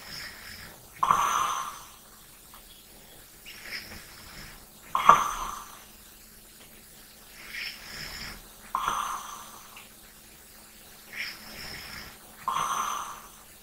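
Soft, airy breaths with brief rasping snores, about 16 breaths a minute, over a faint steady hum. Light snoring during sleep.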